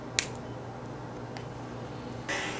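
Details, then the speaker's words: Blom tracheostomy tube on an Avea ventilator (tidal volume 600, PEEP 5), training demonstration: a single sharp, audible click as the subglottic suctioning inner cannula locks into the outer cannula. "insertion of the sub glottic suctioning canula you will now hear an audible click indicating the canula is now secure to the Blum outer canula"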